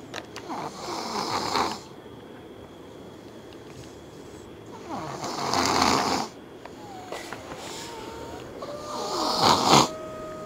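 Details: Very loud snoring with a nose whistle in a sleeping female: loud rasping snores at about 15 a minute, separated by quiet pauses, with faint room noise.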